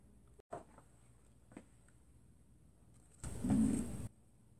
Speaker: My stomach is growling. Y'all can probably hear it. It's so loud.